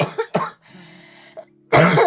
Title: Girl Coughing 335